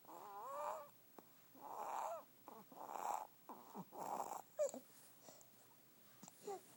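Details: Snoring: repeated rough, buzzing breaths about once a second, some with a whining tone, separated by short clicks and snorts.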